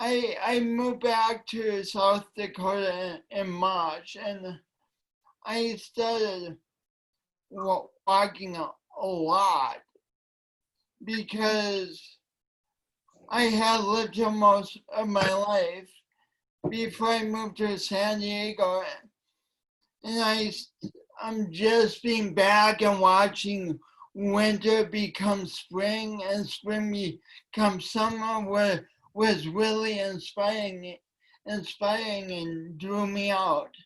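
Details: Man with cerebral palsy since birth, which he attributes to oxygen loss from a kinked umbilical cord, affecting his voice and coordination; dysarthria (cerebral palsy).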